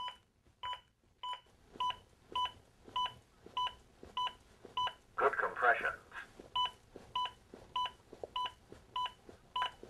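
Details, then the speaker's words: Zoll AED Plus demonstration during chest compressions: steady two-tone beeps at about 100 per minute with a voice prompt midway, an adaptive CPR metronome speeding the rescuer up after too-shallow compressions, then prompting deeper ones. "the beeps act as an adaptive metronome that sees my compressions and tries to speed them up now do compressions that are deep enough"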